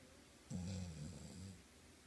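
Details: A single low, rumbling, fluttering snore, about one second long, against quiet room noise.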